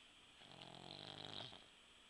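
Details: Sleeping puggle (small dog) giving a single soft, wheezy, whistling snore on the in-breath; snoring.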